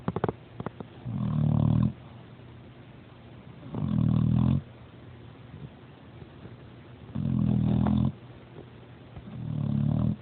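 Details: A son snoring; snoring.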